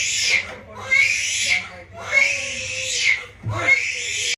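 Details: Newborn baby boy crying just after vaginal delivery: loud, rhythmic, high-pitched crying in repeated bursts with quick breaths between; a vigorous, normal newborn cry.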